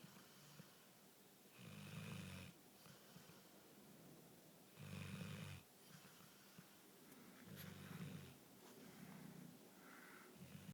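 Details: Snoring: low rumbling snores recurring every few seconds in a quiet room, about four in ten seconds.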